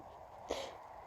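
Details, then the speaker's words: Person with an allergy fit announcing their sneezes: a single short, sharp sneeze burst against quiet room noise. "Today, I thought I'd record, uh, announcing my sneezes when I get another allergy fit. I'm gonna sneeze."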